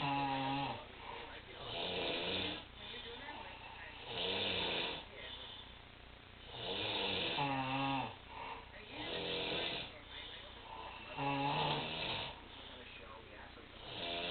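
Loud, rough snores recur irregularly, about six in fourteen seconds, with a voiced rattling quality on each breath.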